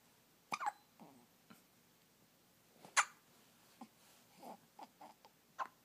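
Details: A newborn has hiccups: soft, brief catches recur at irregular intervals amid quiet room noise, with one louder jolt.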